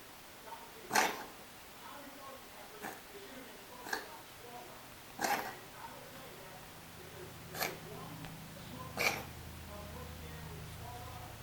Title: 20201213 Tabs Cough (Bad Video)